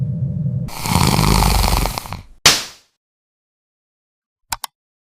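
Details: Simulated cartoon-style snoring effect from an animation explaining snoring: a single loud, rattling inhaled snore, then a sharp snort and two faint clicks.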